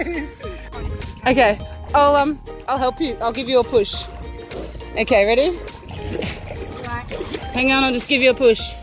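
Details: Adult speaker outdoors; typical speech.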